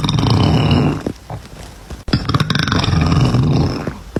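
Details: Compilation of women and girls burping: two long, loud, rumbling belches with a brief pause between them.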